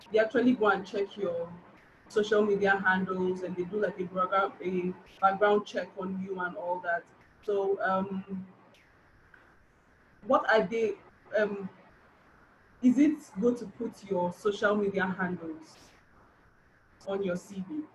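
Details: Adult man, 29, with an aggressive stammer since age 3–5, using controlled speech and a breathing technique; he still has difficulty saying his name; stuttering.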